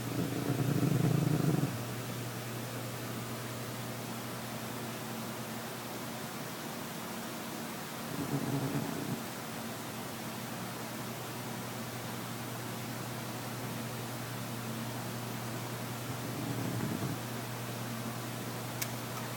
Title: Cat snoring